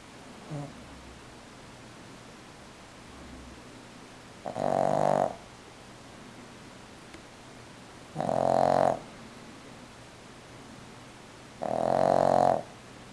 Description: Jasper is snoring